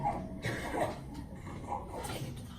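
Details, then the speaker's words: Premature infant with tracheomalacia, a collapsing, under-supported windpipe, breathing noisily with squeaky, strained air movement; stridor, flagged as a possible difficult airway for intubation. "So if you can hear that there's difficulty with air movement, obviously, you know there's something going on in the airway and maybe that's going to cause a problem for when I'm trying to intubate."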